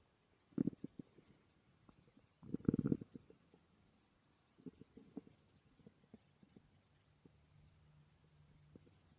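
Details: Borborygmi recorded while the person slept: gurgling, bubbling abdominal rumbles in bursts with quieter pauses, ordinary stomach growling.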